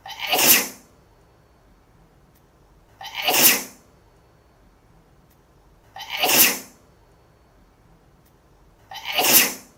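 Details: Female sneeze sound effect.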